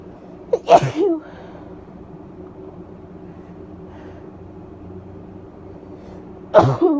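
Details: Female with bronchitis sneezing: two sharp sneezes several seconds apart over a steady background hum.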